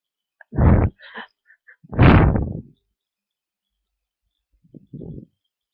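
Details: Person with a tickly nose, probably getting sick: two forceful, blunted bursts of breath, then a weaker partial one, sneeze attempts that never fully release, with hitching breath; stuck sneeze.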